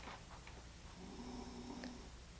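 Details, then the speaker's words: A sleeping beagle (female) snoring with low, rumbling, slightly tonal breaths against a quiet room background. "Do y'all hear the beagle? She's just snoring."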